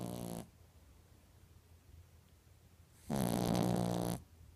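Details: Snoring during sleep, recorded 3/13/15: two loud, rough, low-pitched rattling breaths separated by quiet pauses.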